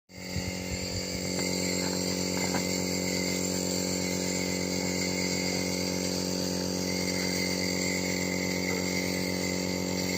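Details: 4-month-old baby receiving nebulization for cold and cough: steady mechanical buzzing hum of the nebulizer compressor running continuously.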